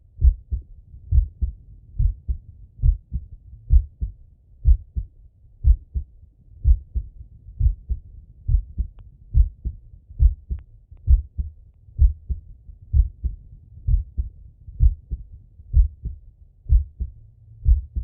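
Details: Male heartbeat heard on stethoscope auscultation with breathing: a steady lub-dub at about 64 a minute with soft breathing underneath; normal heart sounds.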